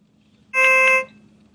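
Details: Single short, loud electronic tone from a GE Healthcare B40 patient monitor alarm during an alarm settings training demonstration.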